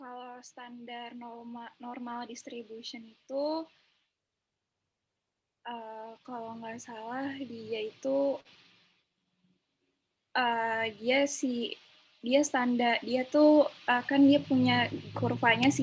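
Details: Young woman speaking Indonesian; ordinary speech.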